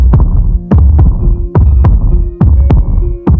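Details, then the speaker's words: Rhythmic whooshing thumps over a humming background: fetal heartbeat on an ultrasound monitor at a routine pregnancy check in a dramatized scene, described as strong and healthy. "Suara apa ini? Detak jantung bayi. Benar, ini adalah detak jantung bayi. Berdetak dengan semangat."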